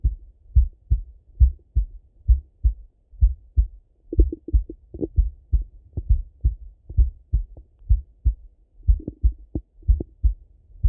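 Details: Male heart auscultated with a stethoscope, recorded partly sitting at a desk and partly lying in bed: steady low thumping heartbeat, clear lub-dub pairs with no added sounds; normal heart sounds.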